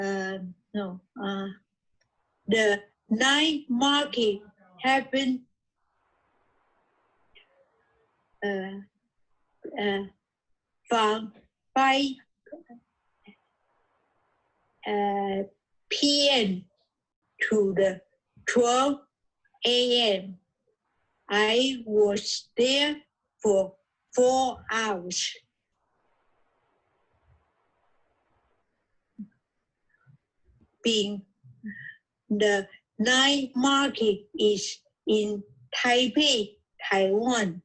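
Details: Aphasia after a stroke a few years earlier in an adult man, reading his own written podcast story during an intensive reading and writing aphasia therapy program.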